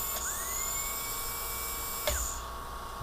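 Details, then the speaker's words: NSK dental laboratory handpiece running after its carbon brush was replaced with hand-carved graphite, tested forward and in reverse. A steady high-pitched motor whine rises as it spins up, then cuts off with a click, showing smooth, working operation. "let's turn on and see how that works yeah it sounds pretty good on reverse sounds pretty"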